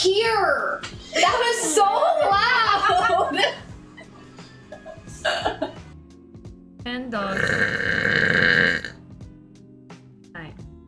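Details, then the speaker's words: Female Twitch streamer burps: speech with music behind it, then a long, loud, rumbling belch lasting about two seconds. "[Music] no oh my God that was disgusting I just coughed and burped sorry I was right"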